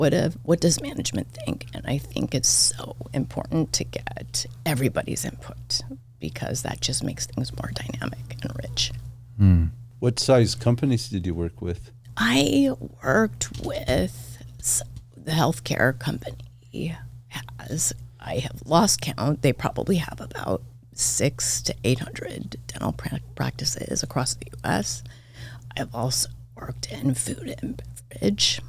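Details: Adult woman, diagnosed this year with spasmodic dysphonia; vocal cord spasms make her voice cut in and out, sometimes hoarse; she attributes it partly to voice overuse as a podcast host and to stress; seemingly occurring during interview; spasmodic dysphonia.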